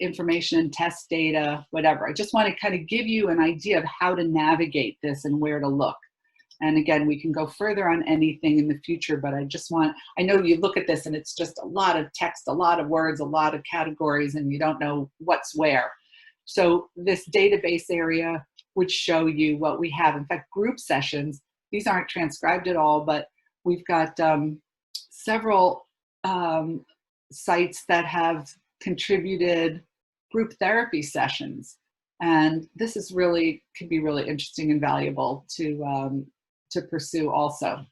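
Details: Adult woman speaking; normal speech.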